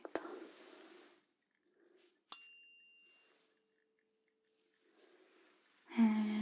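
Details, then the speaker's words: Simulated ear-exam roleplay (ASMR): a struck tuning fork gives a bright metallic ring fading over about a second, testing high tones as the listener reports which ear hears it; tuning fork hearing test. "Trước tiên, tôi sẽ sử dụng âm thoa của mình để kiểm tra các âm cao. Hãy cho tôi biết bạn đã nghe thấy âm thanh đó ở tai nào."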